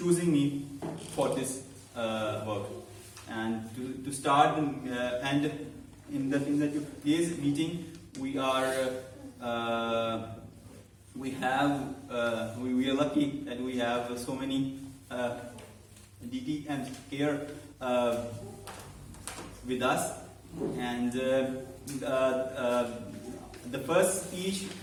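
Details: Adult man who stammers, in a stammering-focused speaking club for about eight to nine months and has learned to accept it; stuttering.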